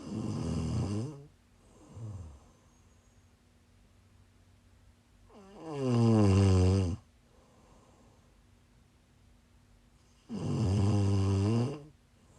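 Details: Person snoring while sick, recorded during a livestream: loud rumbling inspiratory snores with quiet pauses between, about 13 breaths a minute, over a faint steady room hum.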